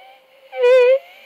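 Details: Phonatory stoppage during low-volume, high-pitch sound production, where the sound cuts out. This corresponds to marginal swellings of the vocal cords that touch at low volume and stop vibration.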